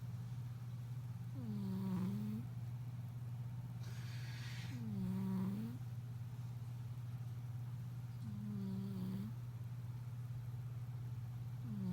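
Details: Soft, tonal whistling snores about every 3–4 seconds, roughly 17 a minute, over a steady low hum; snoring.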